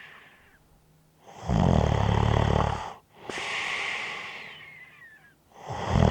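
Loud, low rattling snores on breathing in, with a faint whistle on the breath out.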